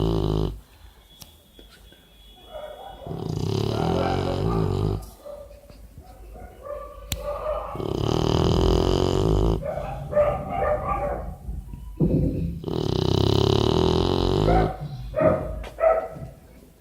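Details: Sleeping pitbull dog: loud, rough, groaning snores roughly every four seconds, with snorting noises between them; snoring.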